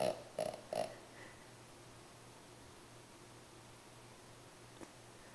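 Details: Snoring in a female sleeper: about three quick snorting snores, then several seconds of silence with no breath sounds, during which she is actually not breathing; snoring with apnoeic pauses.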